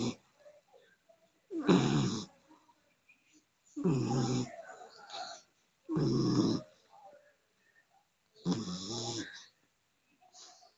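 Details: Sleeping dog: loud, rattling snores about every two seconds, four in the clip, with soft breaths between; snoring.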